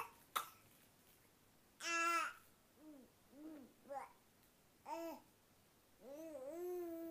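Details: Infant's first cough with a cold: a few short, voiced coughs mixed with soft fussy sounds in a quiet room.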